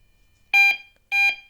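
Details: AED post-shock alert tone during defibrillator verification testing, after a simulated ventricular fibrillation rhythm led the device to recommend and deliver a 150 J shock (measured 129 J).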